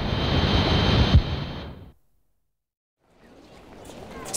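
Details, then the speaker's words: Simulation of tinnitus, ringing in the ears: steady high-pitched tones over loud surf-like noise, then silence. "Most of us have had it. It's that annoying ringing in your ears you get after a night out or a gig."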